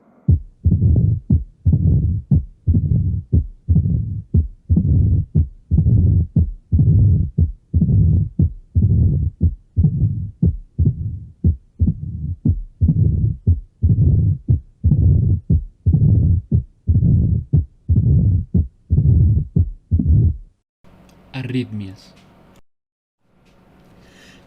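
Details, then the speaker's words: Mitral stenosis murmur, from narrowing of the mitral valve that makes it harder for blood to pass from the left atrium to the left ventricle. "estenosis mitral en la estenosis mitral tenemos que es un estrechamiento de esta válvula que hace que la sangre tenga un mayor una mayor dificultad para pasar la aurícula izquierda al ventrículo del mismo lado"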